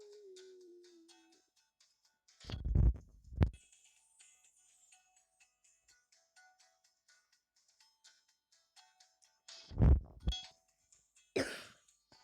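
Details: Quiet room with a faint tone, then several short harsh cough bursts in two brief clusters from a female player who says she is ill while playing a game; an ordinary cough.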